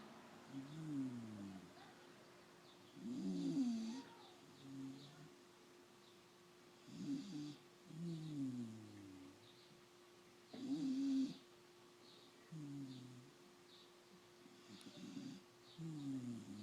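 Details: Sleeping puppy snoring: rhythmic low rattling snores with soft squeaky noises, about 8 a minute, over a steady background hum.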